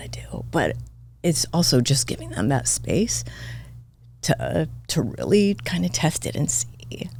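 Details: Adult woman with spasmodic dysphonia diagnosed this year, involving vocal cord spasms; she attributes it partly to voice overuse from podcast hosting and to stress, and it is occurring during this real recorded interview: spasmodic dysphonia.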